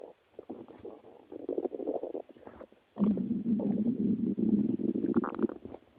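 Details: Low gurgling and rumbling stretches with a louder sustained growl in the second half: stomach growling (borborygmi) from gas and fluid moving through the gut.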